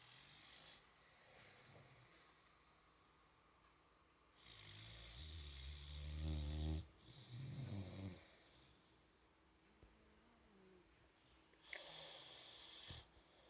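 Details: Sleeping boxer puppy with tongue out: two or three low, rattling snores with quiet pauses between them, over faint room noise.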